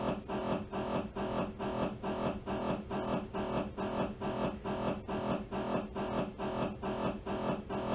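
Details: Loud, regular buzzing pulses at about 136 a minute from an MRI scanner running a T2 axial sequence; MRI scanner noise.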